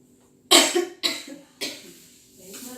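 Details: Simulated pharmacy role-play, 25-year-old woman with cough all day and fever: three short, harsh coughs without wet rattling quality; dry cough.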